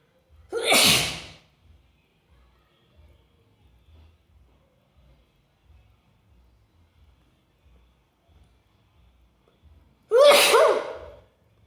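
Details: Two loud, explosive sneezes about nine seconds apart, with faint soft sounds between them; ordinary sneezing.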